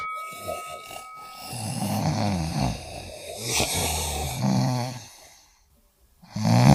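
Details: Family member asleep with the family in one room during Chuseok, snoring heavily: loud, deep, rattling snores with snorts, then a pause before another snore begins.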